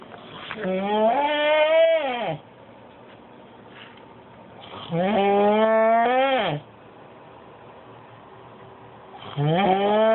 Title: The dying goat snore (4am)